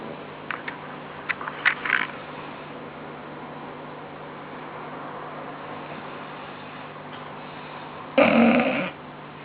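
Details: Sleeping bulldog: soft snuffling and clicks over steady room hum, then a loud rattling snore about a second long; snoring.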